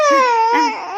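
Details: Young infant of a first-time mother cries with a loud, high, sustained wail that breaks briefly and resumes. The baby cries constantly despite being breastfed and wakes often, and the mother has massaged the belly for suspected gas (kabag).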